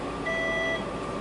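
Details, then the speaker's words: Single steady patient-monitor beep over room noise as leads are disconnected from a female veterinary patient after spay surgery during recovery vitals; temperature 98.3. "you'll hear her lip beeping as I am disconnecting her."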